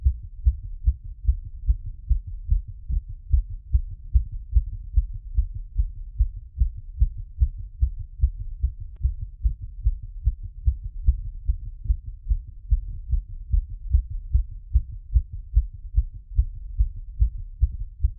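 Steady, regular heartbeat through a stethoscope after exercise, with clear lub-dub thumps and normal rhythm.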